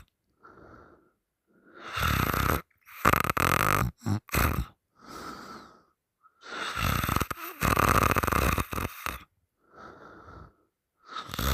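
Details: Loud, rough, open-mouthed snores on each breath in, with gasps and snorts between them as a partner holds the sleeper's nose shut three times; the sleeper wakes on the third time.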